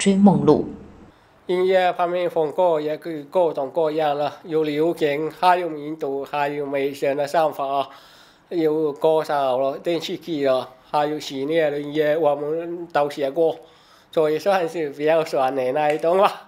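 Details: Speech of a man with hearing loss since childhood, caused by a childhood accident; he relies on text to get spoken information.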